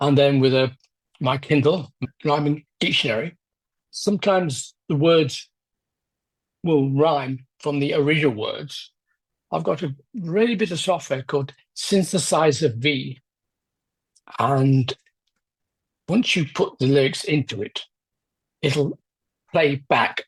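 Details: Adult man with aphasia after a left-hemisphere stroke 10 years ago, with word-finding problems and difficulty getting the mouth and tongue to produce speech; aphasia.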